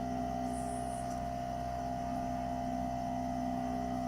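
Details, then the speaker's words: D-3000 dental ozone generator running its suction pump in the cup ("campana") program, drawing ozone back through the handpiece: a steady mechanical hum with a low pulsing pump drone. "Vamos a colocar Start y vamos a escuchar la bomba de succión."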